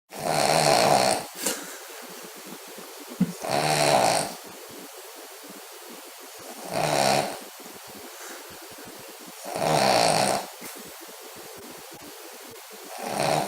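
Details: Loud, harsh, fluttering snores about 19 a minute with quiet pauses between, from a sleeping foster Spaniel dog; snoring.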